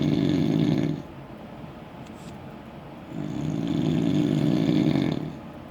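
Loud, harsh rattling snore on the in-breath, with a quieter pause before the next snore begins.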